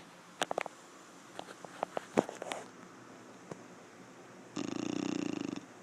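Scattered soft clicks and snuffles, then one rattling, fluttering snore lasting about a second; dog snoring.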